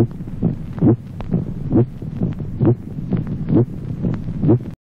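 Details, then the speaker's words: Musical (ringing) aortic second heart sound in aortic aneurysm: regular heartbeat near 67 per minute with a loud, resonant second sound. "Ejemplo triésimo. Resonancia del segundo ruido cardíaco. Timbre musical del segundo ruido aórtico en el aneurisma de la horta."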